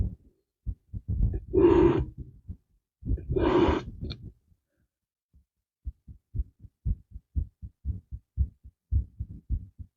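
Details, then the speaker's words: Heartbeat recorded with microphones while the speaker is talking: two loud voiced sounds, then a steady run of paired low thumps, normal, fairly quick; normal heartbeat. "he thought that y'all deserves to hear both my talking and my heart beating simultaneously so he bought me a new set of microphones"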